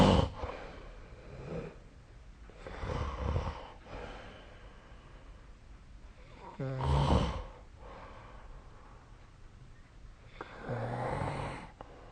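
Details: Adult snoring during sleep. Rough, rattling snores with each breath, one louder snorting snore, about every 3 to 4 seconds, roughly 17 breaths a minute.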